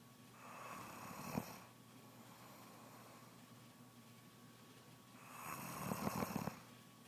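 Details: Pregnant woman snoring, the snoring having begun soon after she became pregnant: two rough, rattling inspiratory snores about four seconds apart in a quiet room.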